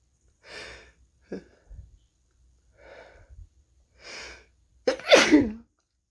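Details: Sneezing from a person sick for the last few days with a possible cold: several quick, breathy inhalations and catches build up to a loud, forceful sneeze, with short pauses between bursts.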